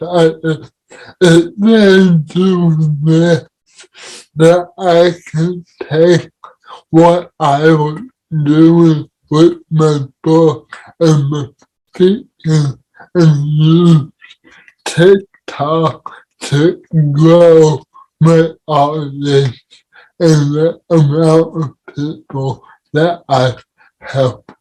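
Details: Dysarthria in a man with cerebral palsy, speaking in a podcast conversation about living with CP.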